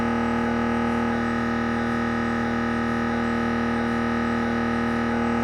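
Loud, steady, rapid buzzing drone with a fast repeating pulse. Typical gradient noise of an MRI scanner during a head scan.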